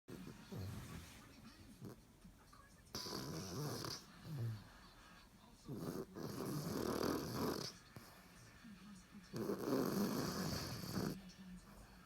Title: Snoring Dog